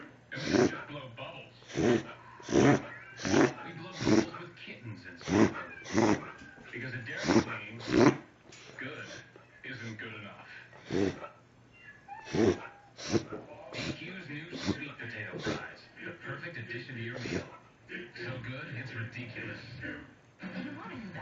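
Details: A dog has a reverse sneezing episode: a run of loud, rapid snorting inhalations.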